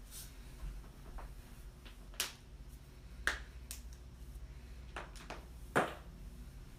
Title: loud joint cracking compilation